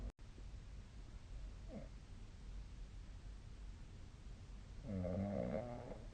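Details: Snoring during sleep, recorded on 2025/03/31: quiet room hiss, then one low, buzzing, rough breath sound near the end.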